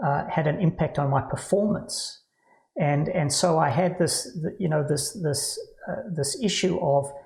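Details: Adult man with Parkinson's disease diagnosed about 10 years earlier at age 49, now with cognitive decline, word loss, stammering and occasional slurring; Parkinsonian speech with word-finding difficulty.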